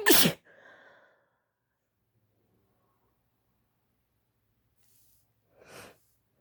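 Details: Female with an itchy nose from pollen allergy, sneeze easily induced: one loud, explosive sneeze, a trailing breath, then a soft sniff after a pause; allergy sneezing.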